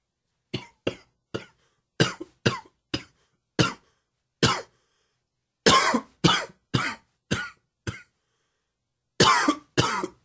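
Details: Dry, wheezy allergy cough: about sixteen short, sharp, dry coughs in clusters with pauses between them.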